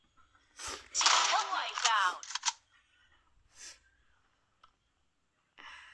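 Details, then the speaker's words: Person with sore throat, hoarse voice, cough and runny nose coughing while talking during a game stream. "Saya batuk juga lupa bilang sama pilek"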